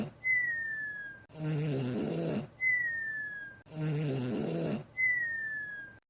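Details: Cartoon fox snoring, simulated: slow, regular rumbling inhaled snores alternating with a falling whistle on each exhalation, about 25 cycles a minute.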